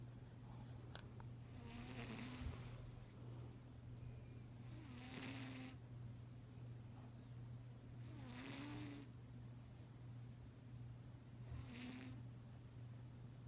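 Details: Soft, airy snoring breaths about every three seconds over steady background hum from a sleeping cat; snoring.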